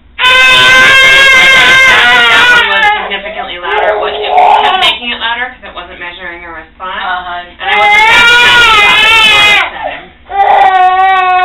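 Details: Infant crying in loud, wailing bursts with whimpers between, a response to sound as his first cochlear implant is switched on at a low level that is slowly increased; he has never heard before.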